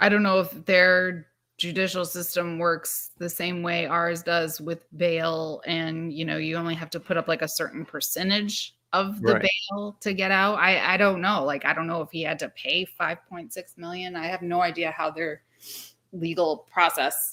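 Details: Adult speaker; ordinary speech.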